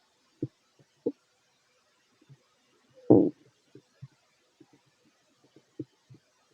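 Scattered short gurgles with one louder rumbling growl from the belly; ordinary stomach growling.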